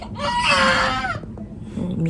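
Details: Newborn second baby just delivered by C-section in US hospital: loud, high, wailing cry with strong tonal voice, then quieter room noise; vigorous newborn cry.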